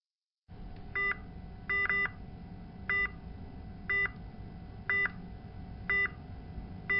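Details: Repeated electronic alarm beeps, about one per second, from a patient monitor over steady room hum, in a hospital demonstration of alarm visualization; patient monitor alarm.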